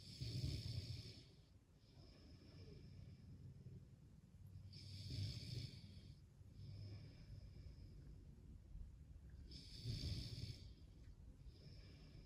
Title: Snoring😴 or Heavy Breathing😮‍💨 Please Leave a Comment